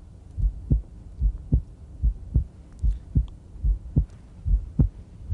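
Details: Regular heartbeat about 73 a minute with an extra sound in each cycle, fitting the click of mitral valve prolapse; prolapse may be elicited with the patient standing but missed on echo done lying left lateral decubitus.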